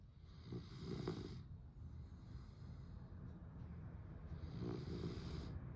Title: Snoring dog #snore #sleepingdogs